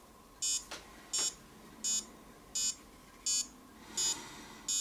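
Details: Regular high-pitched beeps, about 85 a minute, from a HYLOGY fingertip pulse oximeter sounding with each pulse during a user's self-test reading that showed 94% oxygen saturation; pulse oximeter pulse beeps.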